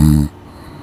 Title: My best friend snoring#lcvopm#youtubechannel#shortsvideo